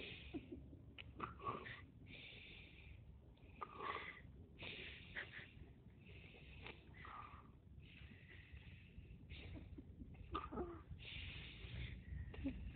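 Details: 22-month-old child cheekily says night night and pretends to snore: repeated breathy, snorting snore sounds with short pauses, deliberate imitation, not true sleep snoring.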